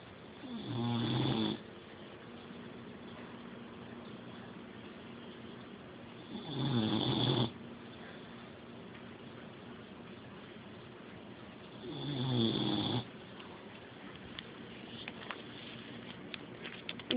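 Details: Snoring dog: three low rattling snores, one about every five seconds, with quiet breathing between them while asleep.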